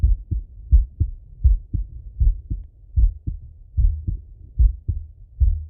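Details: Male heart auscultation through a stethoscope, recorded sitting or lying: steady, regular low lub-dub beats at about 78 a minute; normal heart sounds.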